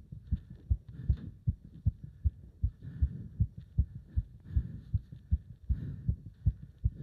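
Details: Heart sounds during leg wrench exercise, pulsation felt up to the subclavian artery: fast, strong, regular pounding heartbeat about 158 a minute with some muffled rubbing noise.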